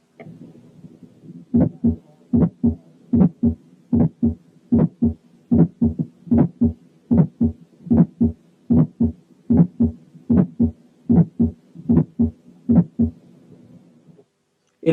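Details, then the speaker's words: Ejection click, a higher-pitched, clicky extra sound right after the first heart sound, identified by tone and pitch. "كان فورث ساوند والتاني كان ايجكشن كليك."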